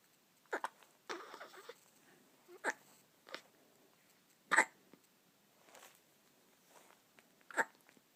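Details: Repeated hiccups: several short, sharp catching sounds recur irregularly over about eight seconds in a quiet room.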